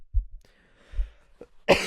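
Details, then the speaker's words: Male, sick and bedridden with a deep, hoarse voice from coughing, cause unknown: two deep low coughs, then a short throat sound and a noisy breath out in a quiet room. "yo wait my voice is so [ __ ] deep right now from coughing my brains out"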